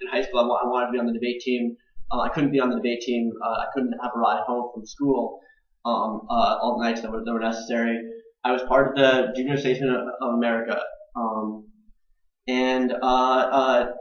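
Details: Adult man with stuttering, more repetitions and pauses when passionate or anxious, blocks between words; father also stuttered; on the autism spectrum: stuttering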